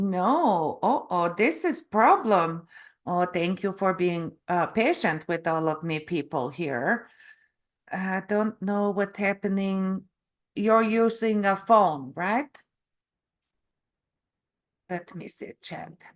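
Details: Canadian adult woman from Calgary; stroke November 2023 causing aphasia with word-finding difficulty and apraxia of speech; foreign accent syndrome began after a further hospital episode in February, self-described as Eastern European; foreign accent syndrome with aphasia and apraxia of speech.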